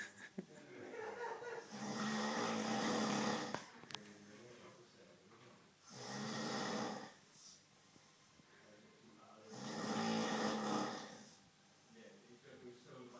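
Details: Bearded adult man snoring loudly in sleep: three long, rough, rattling snores on each in-breath, about 15 a minute, with quiet pauses between.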